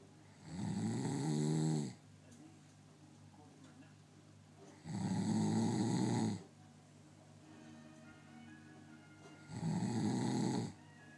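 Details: Loud rattling snores on the in-breath, three heard about every four to five seconds, roughly 13 breaths a minute, in a quiet room; snoring.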